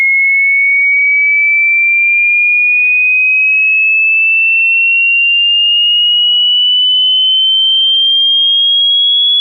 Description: In this video you can check your listening capacity.